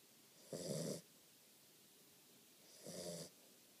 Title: Snoring Catahoula puppy